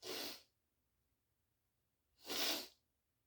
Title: achoo sneezes (m)